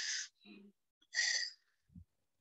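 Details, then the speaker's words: Lecturer's vocal imitation of wheezing in severe drug allergy reaction, chest "whistling": hissing breaths with a brief whistling tone from allergic airway narrowing; imitated wheeze. "hay una cuestión como que el pecho silva"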